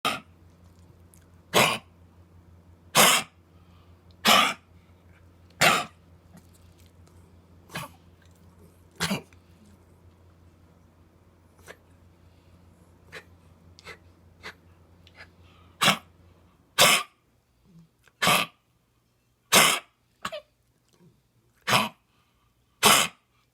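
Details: Dog with heartworm disease coughing: a long series of short, harsh, dry coughs.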